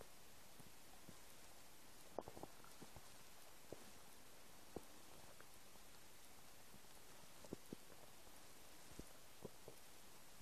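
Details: Empty stomach: quiet low gurgles and scattered small pops and clicks over a steady hiss; ordinary stomach rumbling (borborygmi).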